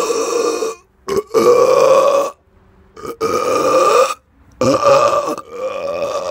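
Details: Person burping outdoors in the dark after eating too much fast food and drinking many carbonated drinks a few days earlier: four long, loud voiced belches separated by brief silences; repeated ordinary burping.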